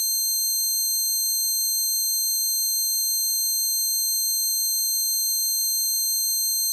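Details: Simulated tinnitus, one person's closest recreation of their own ringing, which began after a concert beside an amplifier: steady high-pitched ringing of several stacked tones with a faint wavering.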